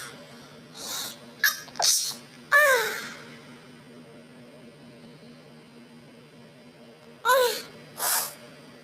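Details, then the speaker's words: Person who says they sneeze often from cat allergy: two sneezes, each a sharp inhaled gasp then forceful expulsive burst, over quiet room hum; sneezing. "Yeah, but it just sounds like, hold on, I gotta sneeze. Oh my god, it was exactly right."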